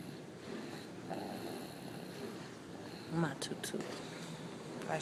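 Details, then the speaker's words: Sleeping baby girl snoring after a long day: soft, irregular snoring breaths over household noise and a television. "she's snoring I'm going to turn the TV off so I can"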